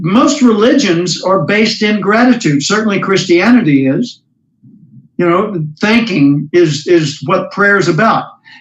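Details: Adult speaker; no speech disorder.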